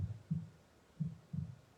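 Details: Background heartbeat played during a guided meditation: soft low lub-dub pairs, about 55–60 beats a minute, in a steady rhythm; an ordinary heartbeat.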